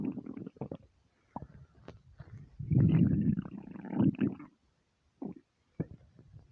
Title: starving stomach rumbles